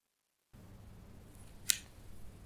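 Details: Adult's left knee, months of clicking when straightening from deep flexion while weight-bearing, around 70 degrees: one sharp brief click against quiet room noise during squats.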